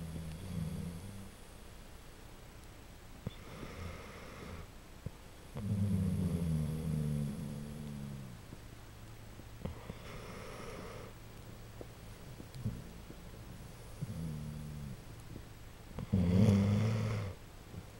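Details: Dogs snoring at 2 a.m.: low, rumbling, grunting snores with brief tonal snorts, irregular and overlapping; snoring.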